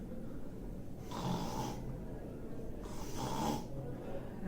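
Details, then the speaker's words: Pediatric chest and sleep specialist imitating child snoring: two low rattling snores from a narrowed upper airway, the kind of sound heard while a child sleeps. "this snoring sound, as you know, usually will be heard when the child is sleeping."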